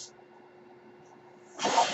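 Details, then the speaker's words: Mechanical ventilator breath cycle from the speaker's own ventilator, heard while he talks: a low steady machine hum, then a sudden loud rush of air as it delivers a breath. "My name is, and that noise you hear is my ventilator."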